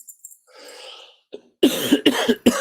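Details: A quiet throat noise followed by three or four loud, short, harsh cough bursts in quick succession; an ordinary adult cough.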